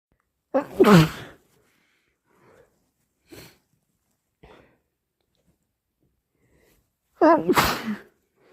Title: More induced cold sneezes plus snotty blows